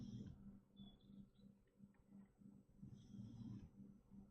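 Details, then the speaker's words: Very old female dog asleep in the background; quiet, low rumbling snores with faint whistling on some breaths in a small room; dog snoring. "Sorry if you can hear my dog snore. It's incredibly unprofessional. My dog is snoring in the background."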